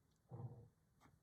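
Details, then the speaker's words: Dog cough from a dog recovering from an illness, now shorter and only occasional, after earlier nights of hacking: a single muffled, low, barking cough from another part of the room. "did you hear that that was a bandit cough it's not as such a long cough now it's just this random every so often heaps better"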